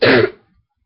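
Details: A single short, harsh, deep cough burst with a barking quality, recorded on a webcam from a person who reports a really bad throat and a stuffed nose; barking cough.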